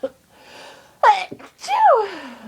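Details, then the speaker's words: A sharp, loud sneeze followed by a quick gasp and a falling vocal sigh; itchy, uncontrollable sneezing fits from a person with a cold. "Loud and horrible. It's cold sneezes and they are so itchy and so big that I can't stop Achoo! Coming out like that."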